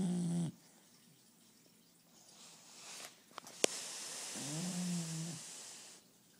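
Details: Bulldog puppies, Gus (1 year) and Pickles (5 months), snoring while napping.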